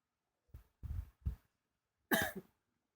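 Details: Adult woman sleeping sitting up on a bed to ease a persistent night-time cough and chest tightness; three short, soft coughs in a quick run, then a brief voiced sound in a quiet room.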